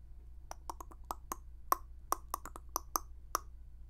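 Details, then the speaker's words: An adult's stomach gives a quick run of small gurgling pops and clicks during a live chat; the speaker says his stomach is growling and he needs to eat: hunger growling (borborygmi). "that was my stomach did you hear that my stomach did you guys hear that if you guys heard that my stomach is growling I think I need to get something to eat"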